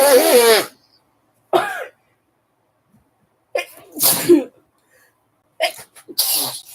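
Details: An adult gives a series of sharp, explosive sneezes with short quiet gaps between them; sneezing.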